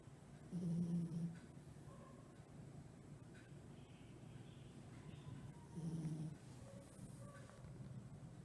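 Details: Miniature Pinscher dog snoring while asleep: two low, rumbling snores about five seconds apart with quiet breathing between them.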